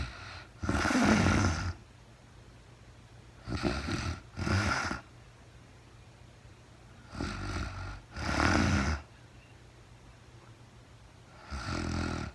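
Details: Real-time recording of a woman asleep overnight, very tired, no talking (labelled REM sleep): low, rumbling snores in pairs and single bursts with quiet pauses between them; snoring.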